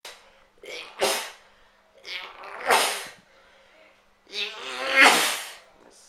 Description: Super Sneezing man! This man can't stop sneezing...